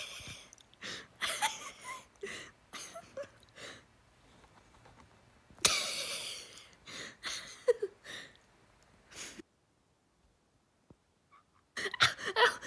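A goat makes repeated raspy, breathy wheezing huffs in short irregular bursts, with brief pauses between.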